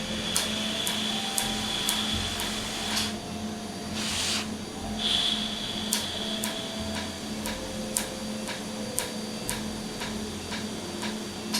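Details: Laser tattoo removal after numbing; treated ink frosts over on each hit, cooling air applied, red ink to be treated separately: sharp clicks about once a second over steady machine hum and whine.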